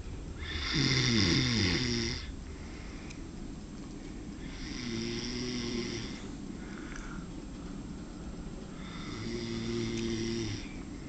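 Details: Man snoring during a long nap that became about 3 hours of sleep, though he does not believe he snores: three loud, rhythmic snores about every four seconds, with a rattling low buzz on each in-breath.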